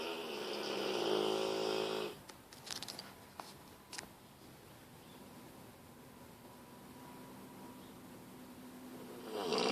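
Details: Bullmastiff dog snoring while asleep: a long rattling snore, some clicking mouth noises, then another snore beginning; loud snoring in a large dog.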